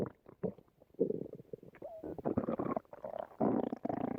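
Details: Stomach rumbling: low gurgling, bubbling rumbles in irregular bursts; ordinary stomach growling.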